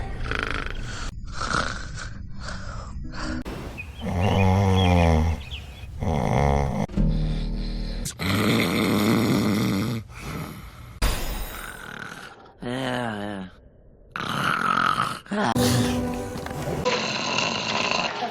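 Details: From a compilation of sleeping clips: loud rattling, grunting snores in separate bursts, some with a rising-falling tone, with music in the background; snoring.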